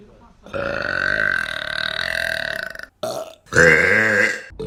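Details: Burping compilation: long, loud, deep-voiced belches, one sustained and two shorter, with a rattling, vibrating quality; repeated belching.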